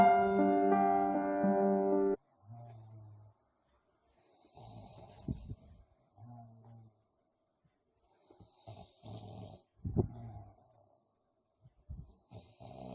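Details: Two men snoring, keeping a listener awake; brief music opening, then repeated rough, fluttering snores every few seconds with short gaps; snoring during sleep.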